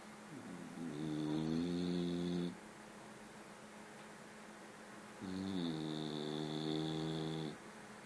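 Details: Very fat bulldog asleep, snoring: two long, loud, rumbling snores of about two seconds each, with quiet pauses between.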